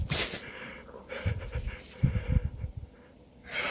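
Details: Short forceful nasal snorts and sniffs in quick bursts in a quiet room, during an allergy sneeze attack from suspected pollen allergy after moving to a new city, with itchy nose and eyes.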